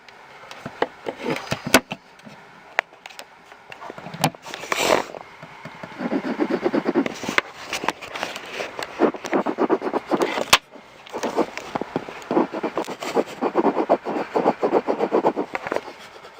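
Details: Fetal heartbeat on a Jumper fetal Doppler: scraping probe noise gives way to a fast, rhythmic whooshing pulse.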